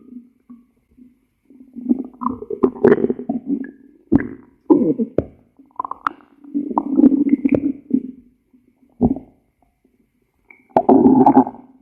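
Several gurgling, rumbling bursts of stomach growling with brief gaps; ordinary bowel sounds.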